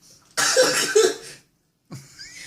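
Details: A single harsh, noisy cough burst of about a second, followed by quiet, during a laughing attempt to make oneself sneeze with tissue paper.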